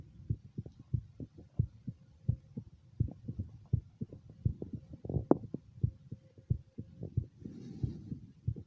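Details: Own heart recorded over the mitral area during echocardiogram: regular low heartbeat thumps with soft whooshing flow, about 85 per minute, normal rhythm; normal heart sounds.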